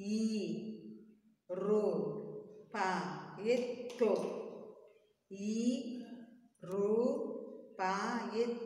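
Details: Deaf speech of a deaf, nonverbal child in a speech therapy session, practising a Tamil number syllable by syllable.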